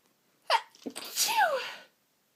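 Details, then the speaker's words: One loud, hissing, voiced sneeze after a sharp inward catch, ending in a falling cry; it follows false starts and stuck sneezes in a very sniffly person with streaming eyes during a sneezing fit. "And it keeps teasing me with false starts, stuck sneezes, and I am very, very sniffly. I just need to sneeze."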